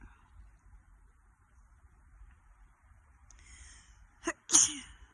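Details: Two sudden explosive sneezes in quick succession after a quiet stretch, with light wind outdoors on a hike; the hiker says their dog may have been sneezing; sneeze.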